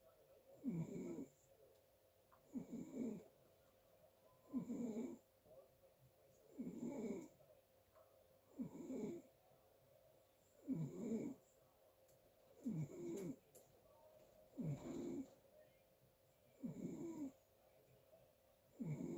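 Regular rough snores about every two seconds, roughly 30 a minute, in a quiet room at night: ordinary snoring.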